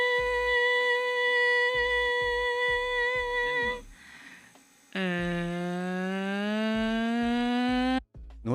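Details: Laryngoscopy example with vocal folds meeting and approximating in the midline, good vocal fold closure; normal voice.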